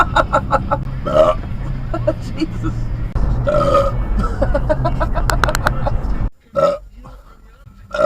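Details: Driver burping while driving, recorded on a dash cam: several loud, drawn-out burps over steady car engine and road noise; belching.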